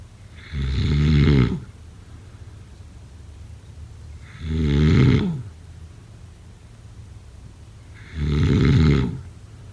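Loud, rattling snores on each in-breath, about 16 per minute, with quiet breathing between them; snoring.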